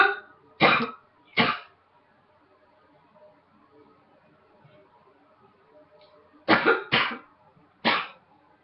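Six short, sharp coughs in two clusters separated by a quiet pause; a repeated dry-sounding cough.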